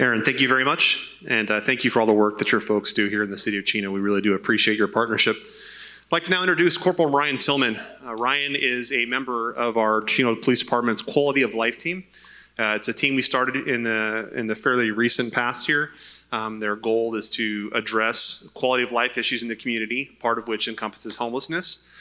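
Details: Adult man speaking; normal voice.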